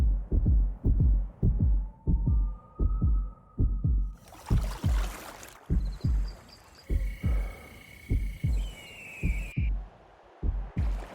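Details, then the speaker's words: Heartbeat at about 60 beats per minute, described as the perfect resting heart rate: steady double-thump beats with sweeping tones and other sound effects layered over it, in a promotional video. "say the perfect resting heart beat the 60 beats per minute we couldn't agree more"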